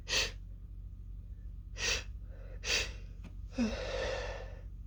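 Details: Female with a stifled sneezing fit: three brief, muffled sneezes held back in the throat, then a fuller, breathy explosive sneeze with a voiced catch at the end.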